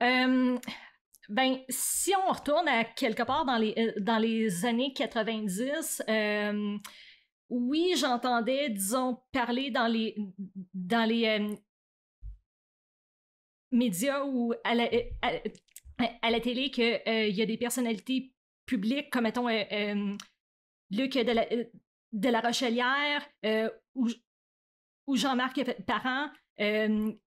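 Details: Adult woman who stutters, with onset around age 7 or 8; stuttering.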